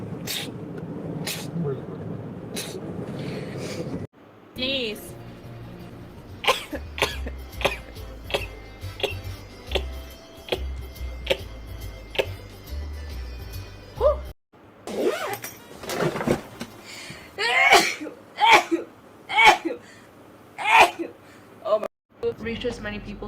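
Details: Girls sneezing rapidly, with sharp explosive bursts in quick succession and music playing in parts; repeated sneezing.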